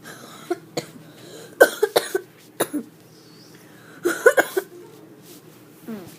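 A child gives about a dozen short, sharp coughs in two or three quick clusters with brief pauses between them, a coughing fit.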